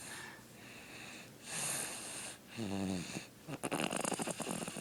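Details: A baby fast asleep and snoring: a soft rattling snore on breathing in, then a short grunting snort and fluttering sounds at the end, ordinary snoring during sleep.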